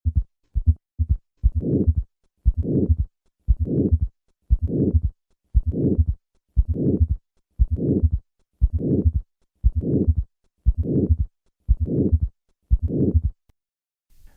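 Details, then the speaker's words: Simulated aortic stenosis with S3 and S4 gallop: slow heartbeat, fourth heart sound first, then third heart sound added, finally a harsh systolic ejection murmur. "Listen to a patient with aortic stenosis and both a third and a fourth heart sound. I will begin with a fourth heart sound, then add the third sound, and finally the murmur."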